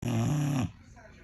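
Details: One short, loud, low vibrating snort, just over half a second, from Sonny, a boxer dog snoring; snoring.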